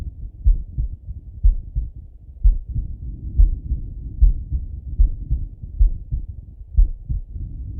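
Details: Male heartbeat through a stethoscope with the person lying on the left side; low, muffled heart sounds at about 60 beats a minute with soft rustling between beats.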